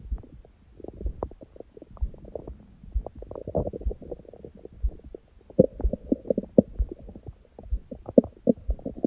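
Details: Bowel sounds after a large first meal of the day at 16:00 following fasting since 19:00 the previous day, and after abdominal workout; frequent gurgles, bubbling and soft rumbles.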